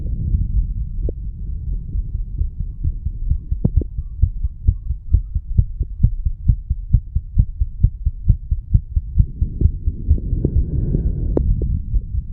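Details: Self-recorded heartbeat of a 34-year-old male after smoking nicotine and cannabis, mitral valve area: regular low thumps, roughly 130 a minute, under steady low rumbling noise; fast heart rate.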